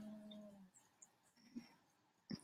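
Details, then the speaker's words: A dog snoring in the background of a lesson: a low steady droning tone under a second, then quiet room noise and a brief snuffling burst. "that noise is my dog snoring"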